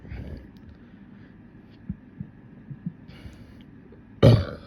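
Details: Deliberate bubbly burps in a burping session: quiet room with faint small sounds, then one loud, low, rough burp near the end.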